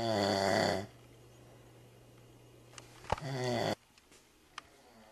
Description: cant sleep cause your too loud